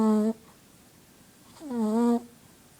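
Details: Sleeping Shih Tzu dog snoring: two drawn-out, musical, hum-like snoring breaths with quiet between them; a tonal snore in a small dog.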